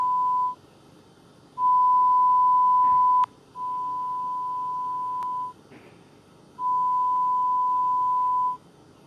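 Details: Korean mobile hearing-test app demonstration: steady pure beep tones of several seconds each, varying in loudness, with pauses between; pure-tone audiometry test tones.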